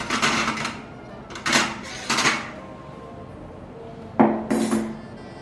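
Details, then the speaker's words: Several sharp metallic clinks and rattles as forceps and clamps are picked up and set down onto a sterile field while equipment is prepared for urinary catheter insertion in a male patient. "Kemudian kita ambil alat-alat yang diperlukan, yaitu pinset, klem,"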